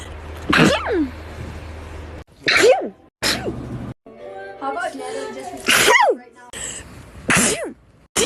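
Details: Several sharp, explosive sneezes, each with a quick intake and forceful burst, separated by brief pauses, with faint music or background sound between them; a sneeze compilation.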